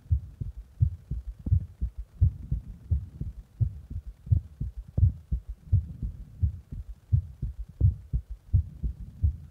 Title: My heartbeat after press my heart